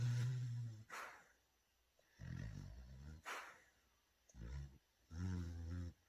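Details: Dog sleeping and snoring loudly: rumbling low snores on each breath in, separated by quiet breaths out.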